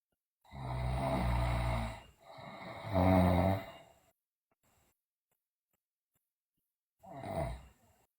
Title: Sleeping Girl Loudly Snore, Teeth Grinding, Delirious